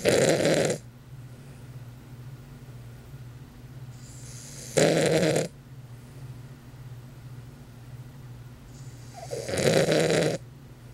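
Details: Loud, rattling snores, about 13 per minute over a steady low hum, from Elliot, a sleeping Weimaraner dog; snoring.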